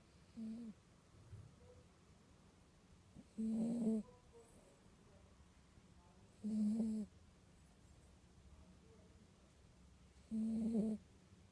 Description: Norman and Buster sleeping in sofa; Norman snoring (listen starting halfway into video).